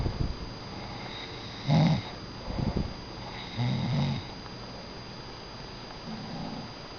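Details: Low, rough snorts on each breath, two to three in seven seconds, over steady room hum; snoring.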